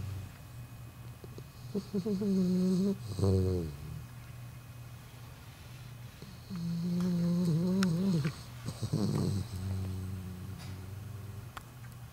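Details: 4-month-old English Bulldog puppy sleeping: loud, droning, buzzy snores on each breath, with quieter breathing between; snoring.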